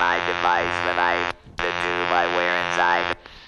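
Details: Woman who has had a laryngectomy, speaking with an electrolarynx held against her neck. Electrolarynx speech.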